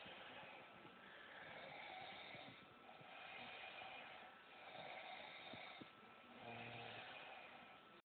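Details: Woman snoring in sleep: slow rising and falling breathy snores, about four in eight seconds, with light rattle; snoring.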